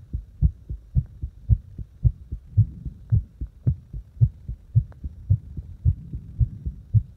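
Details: Heartbeat deliberately made faster and slower; regular lub-dub heart sounds about 110 beats per minute, steady through this stretch.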